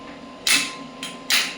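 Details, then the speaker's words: Biotronix electromagnetic radial shockwave therapy device with metal body firing at energy 5 mJ, single frequency, preset shot count up to 5,000: sharp hissing clicks about once a second over low fan hum and faint steady tone. "You can see shock waves are coming and these are the preseted shots."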